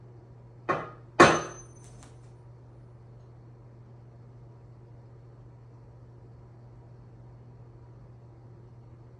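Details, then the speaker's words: Tuning fork struck for a Rinne test in a nursing head-to-toe assessment of an adult patient: two sharp metallic taps, then fading high ringing; air to bone conduction 2:1, no conductive hearing loss. "now we repeat that in practice on both sides it appears that um air to bone conduction is two to one so no conductive hearing loss is noted"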